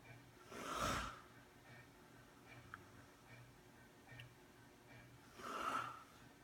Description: Caught my friend catching some 😴💤. Didn't expect this Lolz. 👍🏻😎